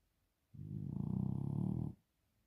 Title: BARNEY SNORING